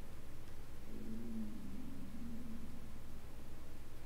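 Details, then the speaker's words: A low, rumbling gurgle lasting about two seconds rises from a steady background hum: audible stomach growling (bowel sounds). "Can you hear my stomach growling? That is just too much."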